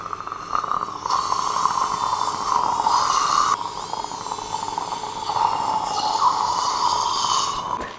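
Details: A rising and falling drill whine in several bursts as sequential drills prepare the osteotomy in jawbone during fully guided implant placement for an implant-supported overdenture, with saline irrigation between drills; dental implant drill.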